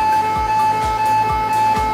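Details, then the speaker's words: Prestan training AED giving Greek voice prompts: shock advised, stand clear of the patient, press the shock button, over a steady high-pitched alert tone with soft rhythmic pulses signalling a shock is ready. "συνιστάτε σοκ σταθείτε μακριά από τον ασθενή πατήστε το κουμπί σοκ"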